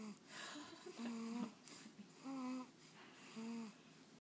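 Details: Two-month-old infant asleep and snoring: soft, whistling, tonal noises with each breath, about one per second, in a quiet room.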